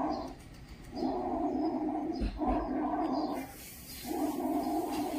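Loud, hollow, tubular breath sounds with a brief pause between inspiration and expiration: bronchial breathing.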